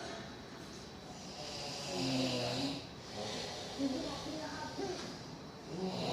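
Rough snoring breaths under television speech and room noise.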